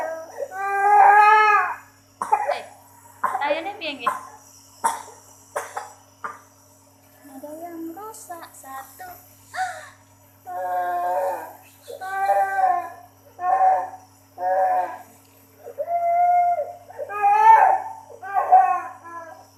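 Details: A baby, who has a cough, cold and hard-to-clear phlegm, crying from discomfort during doctor-advised nebulizer steam therapy: repeated fussy wails with breaks and gasps over a steady low hum.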